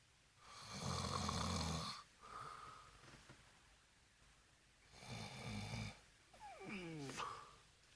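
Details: Boyfriend snoring after drinking, recorded by girlfriend: two loud rattling inspiratory snores separated by quiet breathing, brief background voice; heavy snoring.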